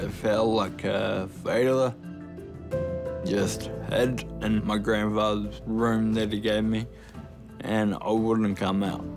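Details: Ataxic dysarthria in a 29-year-old man with Friedreich's ataxia, a rare genetic degenerative disease. Clumsiness and unsteadiness began in his teens and he was diagnosed at 18. His speech has become slurred and worse over time, and he now uses a wheelchair.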